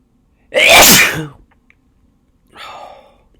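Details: Induced sneezes in a quiet room: two sneezes, a loud explosive burst followed by a softer second one.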